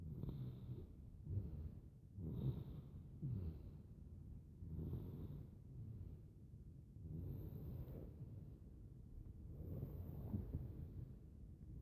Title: Baby snore sounds